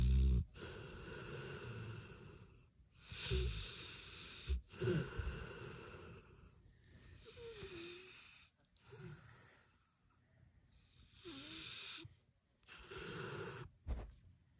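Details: Sleeping pitbull snoring: irregular low rumbling and snorting breaths, some with a whistling edge.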